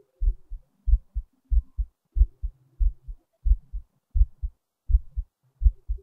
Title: another heartbeat recording